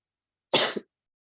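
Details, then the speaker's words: Adult speaker on an online call, with a muffled voice and a current throat complaint: a single short, harsh throat-clearing burst in a quiet room. Throat clearing. "My voice is a little bit muffled. I'm down with the throat thing right now."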